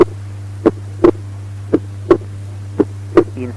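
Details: Normal heart sounds in the pulmonary area, about 56 a minute, with physiological splitting of S2 during inspiration.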